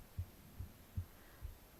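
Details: Normal heartbeat recorded on the left side of the chest while reading aloud: soft, regular low thumps about 70 beats a minute, steady rhythm, faint background hum.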